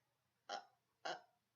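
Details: Simple vocal tics in a person with Tourette syndrome who is no longer on medication: two short, abrupt throaty vocal bursts about half a second apart.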